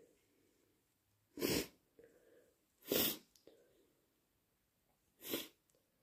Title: Wet, messy induced sneezes plus blows